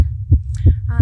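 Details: Very fast heartbeat of a female picked up by a microphone: deep, rapid thumps about every third of a second, roughly 170 per minute, under a steady low hum.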